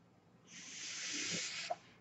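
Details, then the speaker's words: A man's mechanical ventilator delivering a breath while he speaks: a single airy hiss rises over about a second, then stops with a soft click. "hello everyone my name is we're that noise you're hearing is my ventilator and welcome to page-turners they were not my Star Wars podcast"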